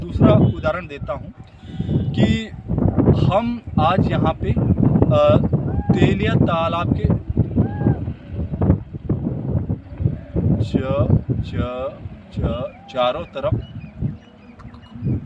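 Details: Adult man who stammers, demonstrating a post-block correction technique: after a block on an unclear syllable he repeats only that syllable, a second or third time if needed, then completes the sentence; stuttering (blocks).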